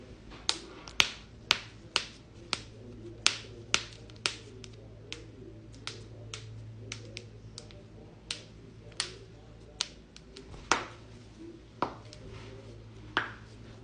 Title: joint cracking compilation